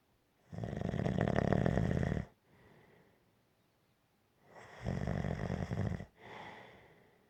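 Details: Gentle snoring: two long, rattling snores on the in-breath, each followed by a soft out-breath, about sixteen breaths a minute.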